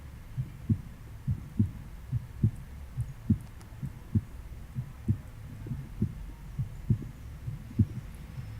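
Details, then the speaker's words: Steady paired heart sounds at about 70 beats a minute, heard with the stethoscope diaphragm at the right sternal edge, second intercostal space (aortic area), with the patient reclined at 30–45 degrees; S2 marks aortic valve closure; normal. "while auscultate ngey aortic area listen for s2 which represents the aortic valve closing"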